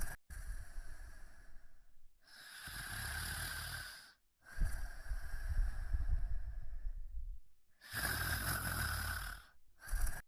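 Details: Loud, rough snoring during sleep in repeated breathing cycles, with brief pauses between breaths.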